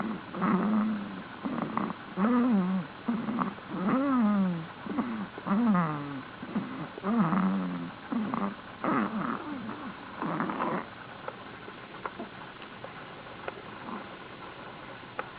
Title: snoring